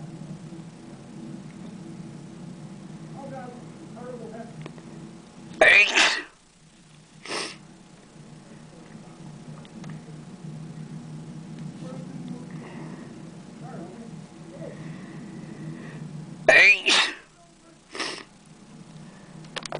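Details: Person filming themselves sneezing at a computer: two sharp, explosive sneezes about ten seconds apart, each followed by a short after-sound, over a steady low room hum; sneezing.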